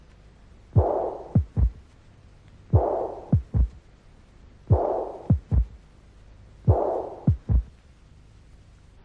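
Slowed heart cycles: a blowing systolic murmur, then a sharp second sound and a low early diastolic thud, a third heart sound with mitral regurgitation.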